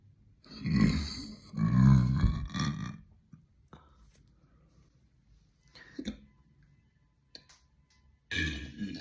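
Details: Woman burping: two long, deep, rumbling burps, then quiet with small clicks and another burp beginning at the end; burping.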